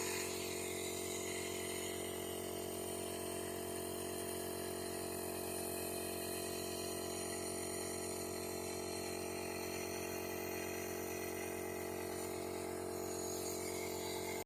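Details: Nebulizer compressor running for a young child with a cold and cough: steady, unbroken mechanical hum and buzz, no voices.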